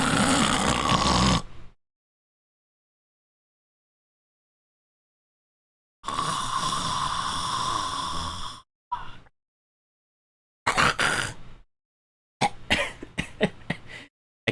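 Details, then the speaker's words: A man imitates obstructive sleep apnea snoring: a smooth snore, then harsh rattling snores that start and stop in choppy bursts like a car engine. "but if you're snoring starts to sound like this like a car engine that starts and stops like"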